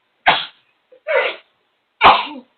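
Three sharp sneezes in quick succession, about a second apart.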